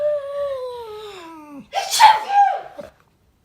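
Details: A single sneeze, possibly faked, used to provoke a pet's reaction: a drawn-out falling tone, then a sudden burst of air.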